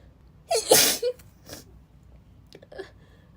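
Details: Girl sneezing during a read-aloud: one loud sneeze with brief intake and explosive release, followed by faint breathy sounds.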